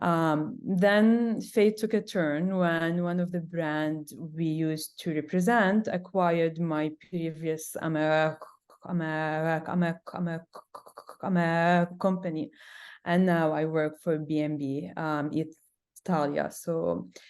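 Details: Adult woman who stutters, with sound repetitions in this stretch; she also reports having big blocks; stuttering.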